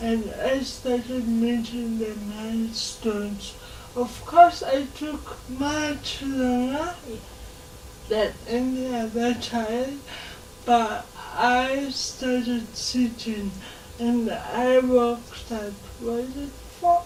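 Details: 26-year-old woman with lifelong cerebral palsy, speech affected enough that people often find her hard to understand; dysarthria (cerebral palsy).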